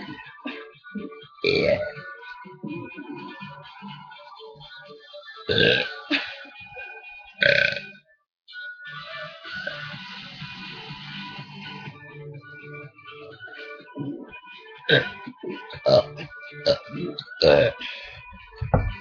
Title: Burping Fun